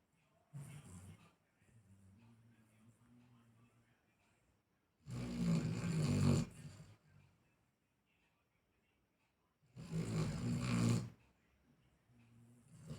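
Two loud, rough snores about five seconds apart, with softer low breathing between them; a sleeping dog snoring.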